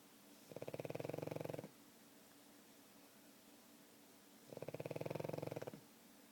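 Two buzzing, fluttering breaths about four seconds apart, each a rapid vibrating rattle; snoring in a sleeping flat-faced dog.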